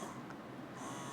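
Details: Plug-in, non-rechargeable double electric breast pump, powered from a laptop, running in a quiet room: steady low motor hum and buzz.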